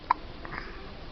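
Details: Baby boy with hiccups: a single brief, sharp catch of breath in a quiet room, an ordinary harmless infant hiccup.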